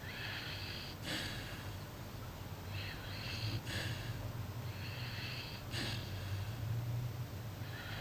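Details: A sleeping puppy snoring: soft, regular snuffling nasal breaths over steady background hum.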